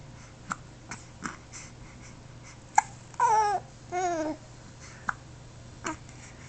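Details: A baby with hiccups: about seven short, sharp hiccup clicks over several seconds, with a couple of brief baby vocal sounds in between.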